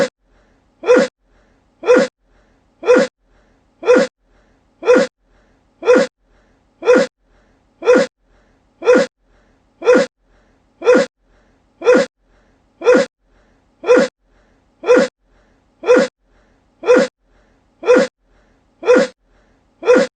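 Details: Sneezing: sharp, short sneezes repeating steadily about once a second, roughly twenty in a row.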